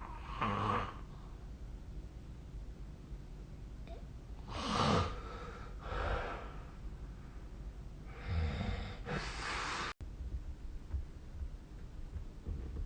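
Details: Snoring during sleep: intermittent rough, rattling breathing noises in a few irregular bursts with quiet gaps.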